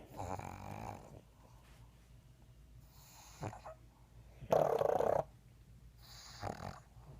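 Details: Three sleeping pugs: rattling, snorting breaths, some louder and harsher than others; snoring.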